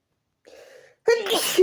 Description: just sneezing like always..i tried to change the room..but it didn't got better..i kept sneezing.